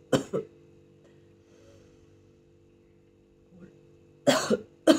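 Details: Voluntary cough for airway clearance during self chest physiotherapy for Covid pneumonia: short bursts of deliberate coughing to clear sputum, paired at the start and end, with quiet music-like tones between.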